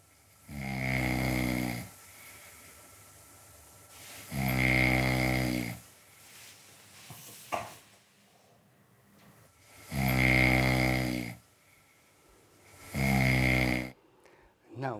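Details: Four loud, rumbling snores in about fifteen seconds, each over a second long, separated by quiet breathing pauses, from a contestant in bed overnight on a dating show; snoring.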